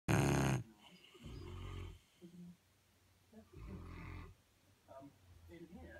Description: 2 St Bernard's snoring